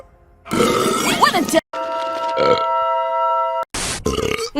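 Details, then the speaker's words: Acted burps from female animated cartoon characters in a compilation: loud, drawn-out voiced belches over music; burping. "M pimp moose the belch of luxury either it's that or all the sparkling water nope still feels bad"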